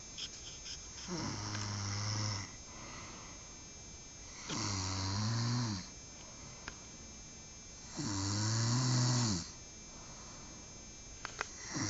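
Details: Snoring at night during sleep, recorded by the snorer: deep, rumbling snores on each breath, about 17 a minute, with quiet pauses between; ordinary loud snoring.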